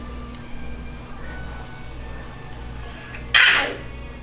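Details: A boy's deliberately faked sneeze: one sharp sneeze-like burst over steady background music.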